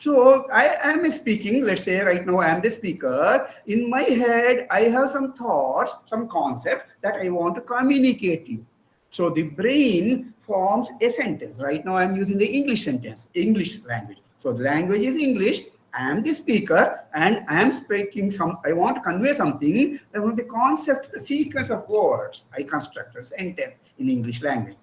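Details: Adult presenter; normal speech.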